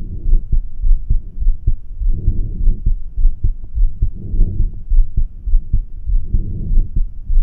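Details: Normal heart sounds heard over the aortic area: regular low heartbeats at about 100 per minute.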